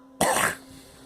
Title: Girl coughing